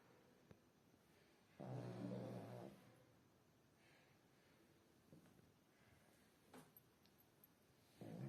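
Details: Person snoring loudly during sleep: one loud, rough, low rattling snore lasting about a second, quiet breathing, then another snore starting.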